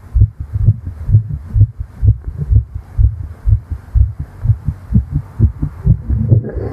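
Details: Simulated roleplay heartbeat of a female fairy, tired after flying, heard with the head on her chest: rapid, regular paired thumps at about 128 beats a minute; a fast heartbeat after exertion.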